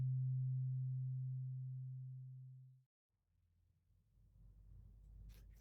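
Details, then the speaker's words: Roleplayed ASMR ear examination: a pure low tuning-fork tone moving between ears fades over about three seconds, then quiet rustling. "It is a tuning fork, and you are going to hear like a vibration from it go from one ear to the other. And I want you to pay attention to the sound you hear and how it moves around you."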